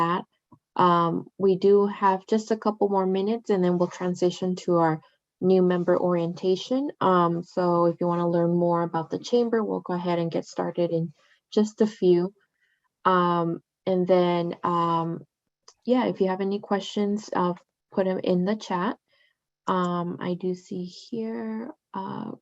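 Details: Adult speaker; ordinary speech.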